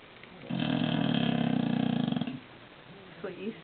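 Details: Bulldog snoring during sleep: one long, loud, fluttering rattle on a breath lasting about two seconds, then a voice in the background.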